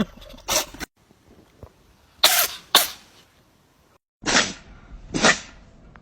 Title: Cat sneezing on owner🤣🤣🤣😁😁😁 catcatscutecatcatlovercatsoftiktokfy #Shorts #fun